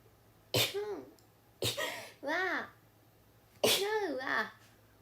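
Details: Japanese girls sneezing: three sneezes, each a sharp burst trailing into a high voiced sound, ordinary sneezing.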